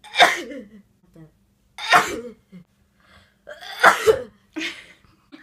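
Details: Several separate sneezes from adult Japanese women in a live-streamed sneezing session, each a sharp explosive burst with a short trailing sound; ordinary sneezing.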